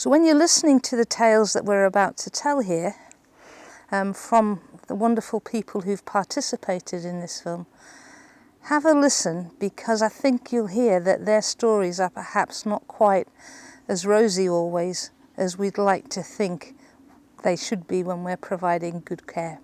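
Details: Adult woman; typical speech.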